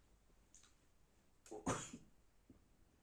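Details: Person with a severe cold and pain inside: a single harsh, dry morning cough burst with a short catch before it, in a quiet room, described as a dry barking cough.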